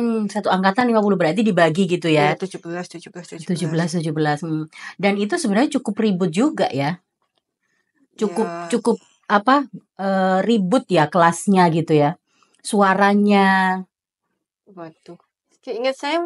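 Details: Adult woman speaking Indonesian; ordinary speech.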